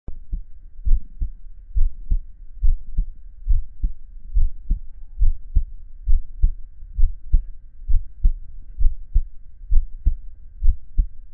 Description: chubby hairy male listening to his heartbeat for relaxation and ASMR